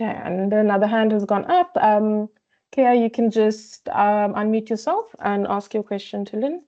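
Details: Adult woman speaking; Ordinary speech.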